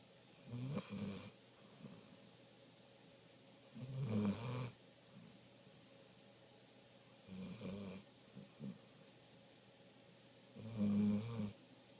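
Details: Golden retriever snoring: four rough, fluttering snores about every three to four seconds, roughly 17 breaths a minute, with quiet pauses between; snoring.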